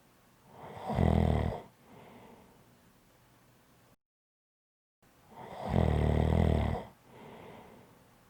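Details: Two deep, rattling snores on the in-breath, each followed by a softer breath out, with a brief gap between them; typical loud snoring.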